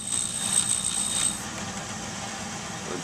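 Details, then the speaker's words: Dental lab lathe with a 3-inch wheel grinding an acrylic appliance, pressed against the wheel's side to reduce the maxillary teeth lingual cusp impressions: steady high-pitched motor whine with a rough grinding hiss. "we do it by using this LA with this 3-in wheel and we hold the appliance against the side of the wheel like this"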